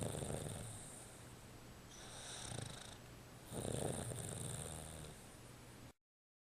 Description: Tux having a snooze. Its usually louder than this - but the puffer fish action is what got me!!